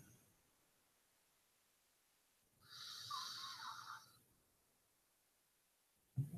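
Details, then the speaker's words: A single harsh, raspy breath of about a second and a half in a quiet room, a snore during sleep at night, recorded unknowingly; the recorder thinks it was her kid. "I apparently recorded somebody snoring. Who? I think my kid. That sounds like a demon."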